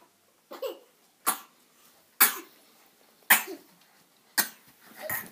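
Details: A child gives about five sharp separate coughs over five seconds; the child also screams and rolls around.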